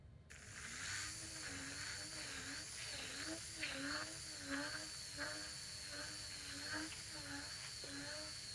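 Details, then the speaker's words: Steady high-pitched powered bur whine rising and dipping with back-and-forth pistoning passes at the first metatarsal-cuneiform joint on a cadaver in minimally invasive Lapidus; whine signals reaching subchondral bone as cartilage is denuded. "And you'll start to hear, I know this is a cadaver, but you'll start to hear a um high-pitched whine when you broach that subchondral bone. And that's your cue that you're starting to denude cartilage and reach that that subchondral bone."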